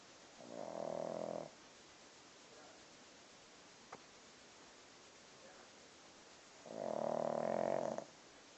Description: Gizmo Sleeping, snoring while watching a movie.